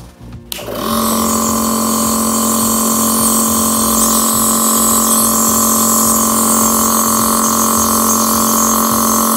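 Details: ABN CN-09 compressor nebulizer running with adult-size mask during a demonstration: steady mechanical hum with a rapid pulsing buzz, running continuously after switch-on.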